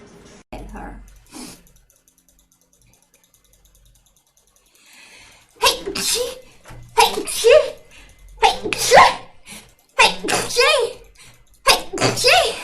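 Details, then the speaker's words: A run of loud, abrupt sneezes from several different people, each a sharp burst after a quick intake of breath, one after needing to sneeze for about an hour; ordinary sneezing. "Bro, I still gotta sneeze. Finally! I've had to sneeze for like an hour."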